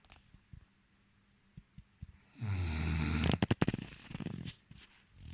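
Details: Loud, rough, rattling snore on the in-breath, followed by a fluttering release, with quiet breathing clicks around it; snoring in a man.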